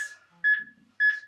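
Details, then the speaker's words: Two clear tonal beeps about half a second apart, roughly 110 a minute, from an AED metronome pacing chest compressions during CPR and defibrillator training; voice prompt says to press down on the chest in time with the metronome. "Place overlapping hands in middle of chest. Press directly down on the chest in time with metronome."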